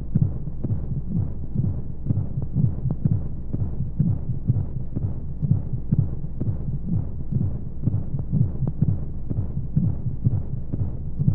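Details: Womb sound played as a baby sleep aid: steady, muffled low thumping at roughly 125 a minute with regular rhythm under a soft whooshing hum of white noise and flowing sounds; heartbeat.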